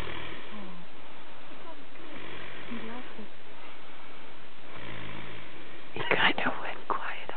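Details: Snoring from a sleeping man: low, rattling buzzes every couple of seconds over steady room hiss, ending in a louder snort-like burst.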